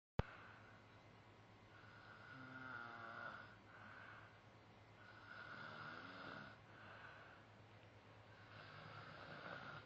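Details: Snoring during sleep: slow, rhythmic breathing with a rough, fluttering snore on several breaths against a steady low room hum.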